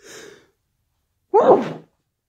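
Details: Person's sneezes from one day, among sniffles and nose blowing: a soft inward breath, then a single muffled, wet-sounding sneeze.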